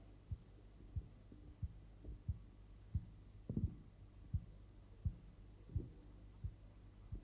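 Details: Korotkoff sounds during blood pressure cuff deflation.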